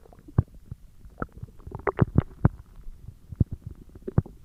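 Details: Irregular gurgles and low rumbling pops from the belly; stomach growling (borborygmi) from gas and fluid moving through the gut, recorded as ASMR.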